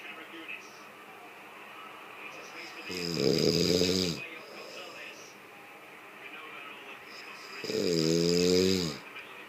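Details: Two long, rumbling snores on breaths in, about five seconds apart, over faint room noise: ordinary snoring.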